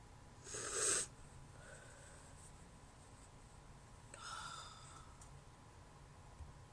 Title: First Upload - Induced Sneezes with some Noseblowing